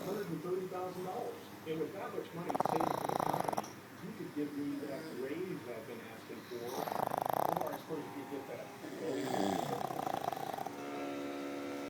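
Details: Two pugs snoring head to head during sleep: loud, rattling, nasal inhalations every few seconds with softer snuffling breaths between; snoring.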